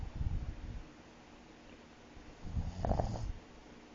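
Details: Low, fluttering snorty snores on two breaths with a quiet pause between, from a sleeping pug said to have sleep apnea; snoring.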